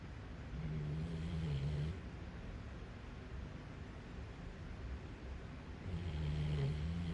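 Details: Dog peacefully asleep and snoring: quiet, low rumbling snores, two breaths heard over a steady low background hum.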